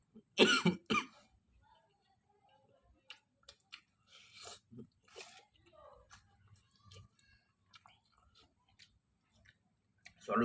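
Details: Coughing while eating instant noodles on a mukbang: two quick coughs at the start and one at the end, with quiet eating sounds in between; cough.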